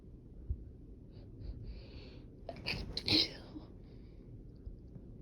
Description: Had a productive sneezing fit the other day, glad I recorded.